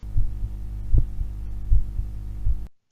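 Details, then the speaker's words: A phonocardiogram recorded through a stethoscope with a microphone on a Raspberry Pi diagnostic device, before denoising: low, regular heart thumps at about 80 a minute under a steady humming noise from the recording. "when the PCG is recorded it is corrupted with noise and sounds like this"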